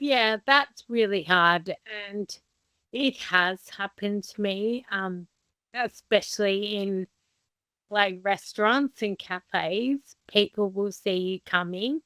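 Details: Adult woman with Friedreich's ataxia, a progressive inherited condition diagnosed at age 17, who is unsteady on her feet; slow speech, consistent with ataxic dysarthria.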